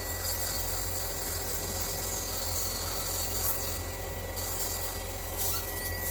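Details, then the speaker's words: Steady high drill whine with gritty rasping over a constant hum: water-cooled dental implant drill making the initial indentation in bone before lengthening and widening the hole, for a gold front-tooth implant. "So we make a little indentation exactly where we want to be, and then we lengthen and widen the hole from there. Rather than go in with one big giant drill."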